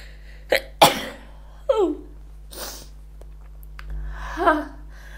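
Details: Person deliberately trying to stifle sneezes, a few escaping: several short, sharp bursts of air through nose and mouth, including stifled sneezes, faint room hum behind; sneezing.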